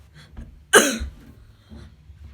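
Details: Cough from a child almost 12 years old: a single short, sharp cough with quiet room sound before and after.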